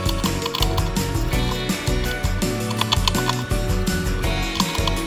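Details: Female hamster, 245 days old, grinding her incisors by gnawing a wooden walnut shed; rapid, irregular scratchy clicks like a woodpecker, partly masked by loud background music.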